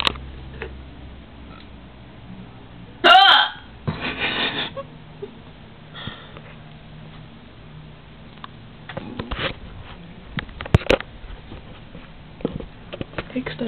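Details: Bad hiccups in a female: a few sharp hiccup gulps and short vocal bursts over steady room hum.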